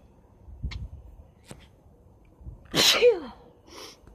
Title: Rapid Sneezes with Lots of Nose Blowing